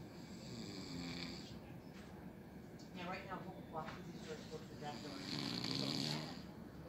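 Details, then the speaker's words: Adult man sleeping after surgery, drowsy from pain and numbing medicine given by staff: rough, rattling snoring with room noise and brief talk in the background; snoring. "so that after surgery you know he won't be in pain right after surgery but it makes you sleepy that's with it the nurse was telling me so [Music] you can hear him snoring"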